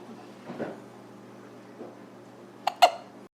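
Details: Quiet room, then two abrupt, short gulping catches close together near the end; hiccups.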